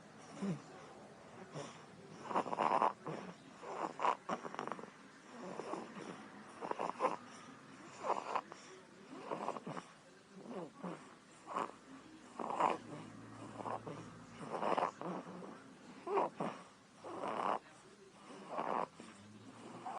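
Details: 3-week-old baby girl snoring in sleep: soft, rhythmic, fluttering rasp with each breath, about 20 breaths a minute.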